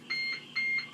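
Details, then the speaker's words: Siemens 900 ventilator set-up demonstration with oxygen supply, volume-control mode: two steady high-pitched electronic alarm beeps after start-up, before the alarm is silenced. "now to silence the alarm to silence alarm you push that button good when you go to turn it off the machine has a default that it will continue to alarm"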